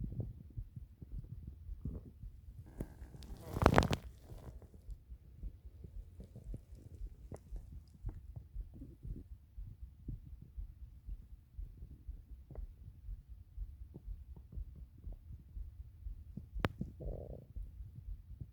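Soft, irregular gurgles and rumbles with one louder gurgle early on. Stomach growling, the ordinary sound of gas and fluid moving through the gut.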